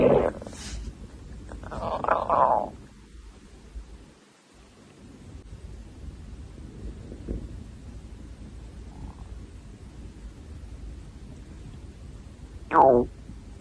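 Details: Hungry young woman's stomach: a few gurgling, squeaky rumbles separated by quiet stretches; hunger growling, normal gut sound (borborygmi).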